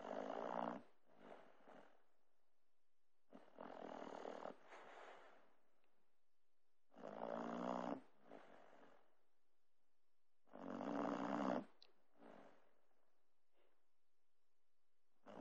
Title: Moves like Jagger, snores like Grampy